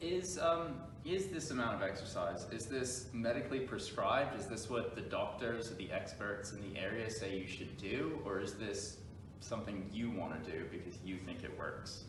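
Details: Adult male speaker; normal speech.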